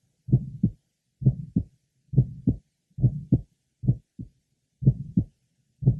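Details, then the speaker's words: Aortic stenosis patient whose aortic events are well heard at the apex, listening at the apex: ejection sound plus a third heart sound in addition to the murmur. "here Apex note ejection sound plus a third sound in addition to the [Music] merma"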